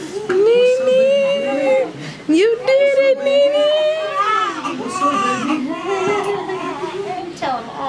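Strong, repeated newborn cries with clear rising and falling pitch just after birth, with faint room voices in the background.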